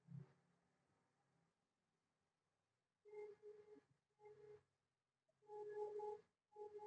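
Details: Quiet room, then a series of steady electronic beeps from a Contec CMS 8000 five-parameter patient monitor during a pulse oximetry reading showing SpO2 96% and pulse rate 81.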